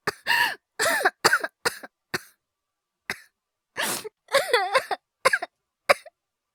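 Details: Acted cough (all performed) by a male VTuber voice actor in a cough-voice ASMR compilation: a series of short coughs and throat clears, some voiced and strained, separated by brief pauses.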